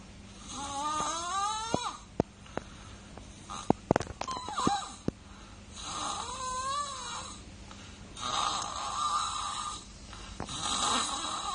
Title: baby ngorok